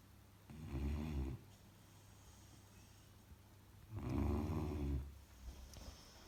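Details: Two loud, low rumbling snores about three seconds apart, each rattling and fluttering, from a sleeping 10-week-old Saint Bernard puppy; snoring.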